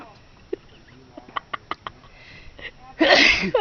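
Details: Person in a prolonged sneeze attack while carving soap on a break at a Scout camp in Bastrop, Texas: soft clicks, then one loud, explosive, hissing sneeze, with laughter.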